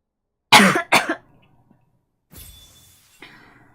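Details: A girl gives two sharp, loud coughs in quick succession while talking during a video game session, followed by quieter room noise; cough.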